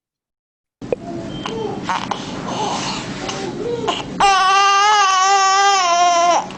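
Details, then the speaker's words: Infant with noisy breathing that could be mistaken for bronchiolitis or congenital tracheal disease, but an X-ray found a tumour mass compressing the trachea: harsh, noisy breathing, then a strained cry. "ah ustedes pueden pensar que es una dificultad respiratoria que son braulio litis que como estamos en una charla de patología de vía aérea es una la tráquea traqueal congénita etcétera pero cuando se le pide una placa se encuentra una masa tumoral acá"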